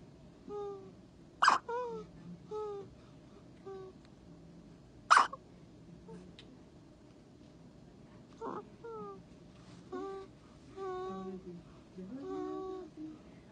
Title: The cutest baby hiccups in the world! Aww